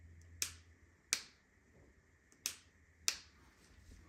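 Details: Four sharp, crisp clicks at irregular intervals from the person's own ankle as it moves, described as a strange sound; ankle joint clicking.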